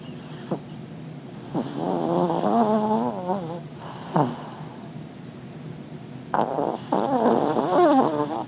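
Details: A dog snoring loudly while lying comfortably in his dog bed.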